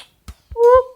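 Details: Vocal tics in a person with Tourette syndrome, including tic sounds like "eyy, ey ey ey, whoop".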